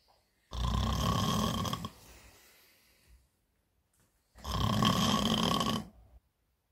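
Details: Adult woman snoring heavily in bed, from a staged comedy sketch that is likely acted: loud, rattling snores about four seconds apart, each with a quieter breathy tail; snoring.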